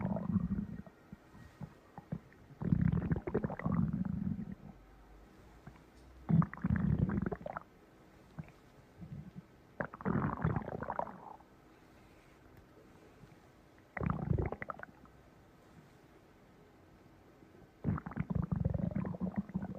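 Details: A person's own stomach growling: low gurgling rumbles in irregular bursts, about six in twenty seconds: stomach rumbling.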